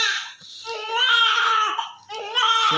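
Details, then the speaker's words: Male newborn delivered by LSCS, with thick whitish vernix, vitally active, good Apgar score and good reflexes: a strong, sustained cry with clear, steady pitch and brief breaths between bursts; vigorous normal newborn cry. "so look at that baby is so healthy and very cute so having a little amount of Vex but this baby is her reflexes is so great great cry Great Sound of"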